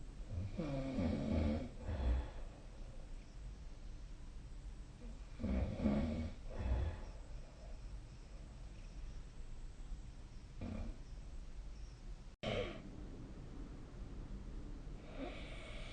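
Loud, low, rattling snores during sleep, with a soft breathing background between them.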